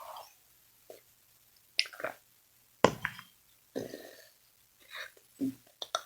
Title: burping part 2..